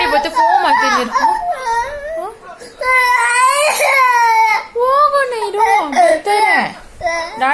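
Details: Young boy crying for his dad in sobbing, wailing bursts with breaths between, while a calm adult talks over him in Kannada, saying Daddy is coming and offering jams and ice cream; ordinary distressed child crying.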